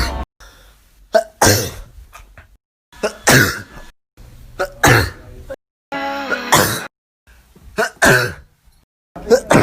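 Repeated explosive sneezes, each with a short in-breath before it, about six bursts in quick succession.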